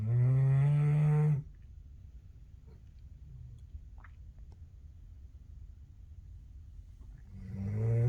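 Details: Sleeping Doberman pinscher dog snoring: deep, loud, low snoring breaths separated by quiet pauses of several seconds; ordinary snoring.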